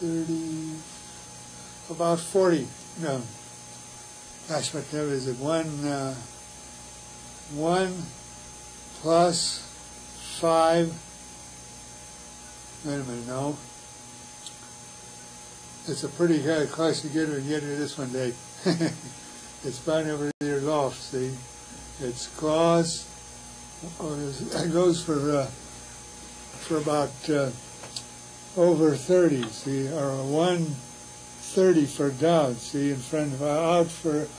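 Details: Real patient with Wernicke's aphasia, recorded by a university physiology department; Wernicke's aphasia.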